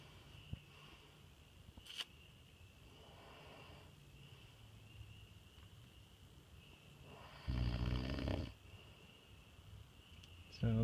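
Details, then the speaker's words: Man snoring while asleep on a fishing trip, after denying he snores: faint breathing, then one loud rattling snore over a steady background hum. "roll over. You're snoring like a mother."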